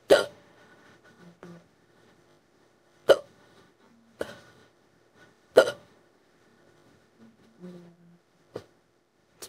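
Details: AI-made imitation of a female character with severe hiccups lasting about an hour, briefly stopping then restarting, while her back is rubbed: about five sharp, sudden, irregularly spaced hiccups with short vocal catches.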